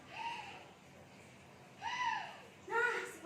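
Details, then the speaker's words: An adult health-promotion student imitates asthmatic breathing on inhalation with three whistling, musical breath sounds, demonstrating wheeze as an asthma symptom; imitated, not real. "Gimana sih Kak bunyi penyakit asma ini? Bunyinya ini saya contohkan ya teman-teman. Jadi saat kalian menarik nafas ada bunyinya seperti"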